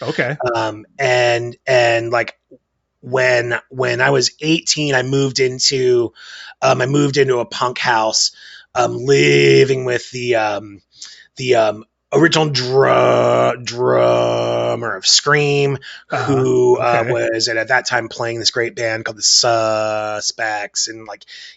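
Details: 47-year-old man with a stutter, occasionally taking a while to get a word out; stuttering.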